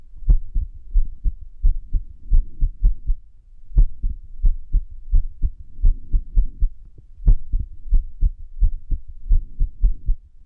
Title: 不整脈心音 irregular heartbeat sound